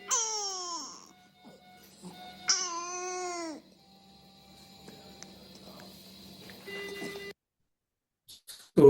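An infant gives two high, pitched, crowing bursts with falling pitch, against steady equipment hum and faint room noise. This is inspiratory stridor from laryngomalacia: the floppy tissue above the vocal cords is sucked inward with each breath in, partly blocking the airway.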